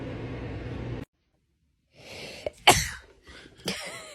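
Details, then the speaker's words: One sharp explosive sneeze after a short breath in, then a smaller follow-up burst, in a quiet room. "i was just laying in bed and i just let out a sneeze i had my window open beside me so that's what probably made me sneeze"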